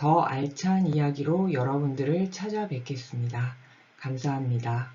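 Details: Adult speaker; no speech disorder.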